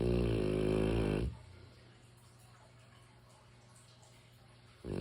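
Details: One loud, deep, rumbling snore then quiet until next breath; snoring in a sleeping mastiff dog.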